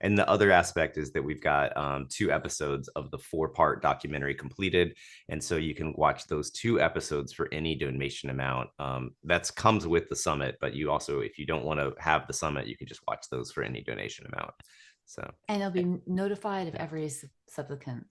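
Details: Adult male speaker; ordinary speech.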